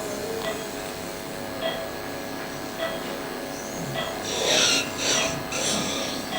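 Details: Bursts of high-pitched whirring and grinding from a high-speed surgical drill on bone, over steady operating-room hum, during live spine fusion surgery at a microneurosurgery workshop.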